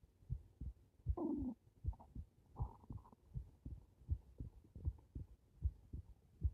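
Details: Heart recorded with the person lying on their back (supine): steady low double thumps at about 77 beats a minute, no added sounds; normal heart sounds.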